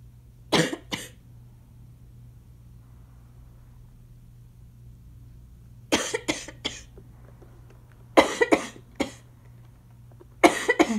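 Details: A person with asthma coughing, with inhaler use possibly audible in the background; the cough grows increasingly congested.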